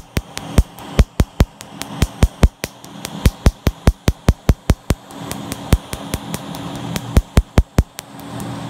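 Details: Picosecond laser (PiQo4) tattoo removal: rapid, sharp snapping clicks, about 146 a minute, over a fan hum, as laser pulses fire.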